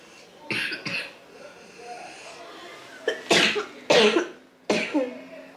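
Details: Sick child with a fever that has since dropped, during a household illness with a COVID test being done, coughs in about five short, harsh bursts with quiet pauses between them in a quiet room: acute cough.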